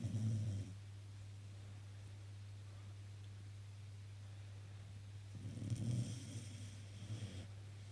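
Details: Sleeping dog snoring: soft, low rumbling snores, two breaths with a quiet pause between, over a steady low room hum.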